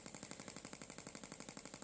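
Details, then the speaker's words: Gymna Shockmaster 300 radial shockwave device with a 20 mm head and gel, set to 1.6 bar and 12 Hz, delivering shocks in 200-shock intervals (about 4000 total) for grade 2 cellulite: rapid, even ticking pulses, about twelve a second. "uh 1.6 bar 12 hertz 10 hertz for about 4 000 shocks in this case doing the shocks at 200 shock intervals does seem to be effective actually for shot for cellulite"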